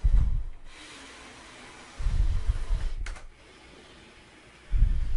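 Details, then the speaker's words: ResMed S9 CPAP machine switched on with the blue light lit and blowing air at its set pressure: low rushing air bursts from the blower with a brief click between. "if you push the button the little blue light comes on the machine is actually on and blowing"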